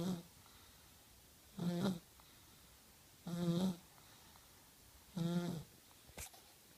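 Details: 1-year-old child snoring while asleep at night: regular soft rattling snores on each breath, about 34 a minute, in a quiet room.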